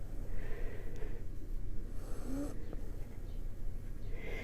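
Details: Flat-faced dog sleeping during a dog-yoga session with mindful breathing; a low, rumbling snore with soft snorting noises in a quiet room: snoring.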